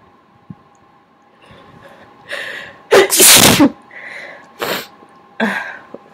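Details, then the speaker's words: Adult sneezing on request while trying to talk between sneezes: a build-up of quick breaths, then several loud, wet sneezes in a row, with a faint steady hum behind them. "someone wanted me to try talking around I sneezes I don't know how long this is gonna work it's kind of difficult to do these two things at once"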